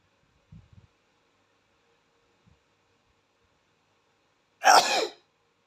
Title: Cute handsome boy's big nose allergic to flowers 🌹 He sneeze on flower